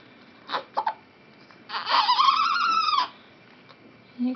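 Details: A few short fussy sounds, then a single drawn-out wailing cry from an upset baby girl with hiccups, one of twins aged 3 months, 2 days past her due date (2 days corrected age).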